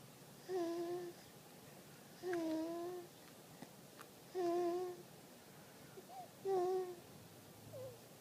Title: 2 month Lil snore